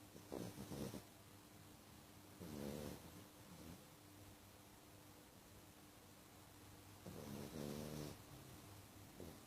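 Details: Loud, rattling, fluttering snores in bursts from a sleeping pet, with quiet breathing between bursts: snoring.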